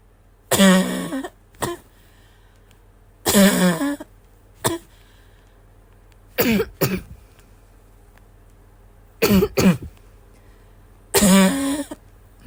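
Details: Wheezy barking cough: about eight harsh, barking coughs in short bouts, some with a tight, whistling edge, with quiet gaps between.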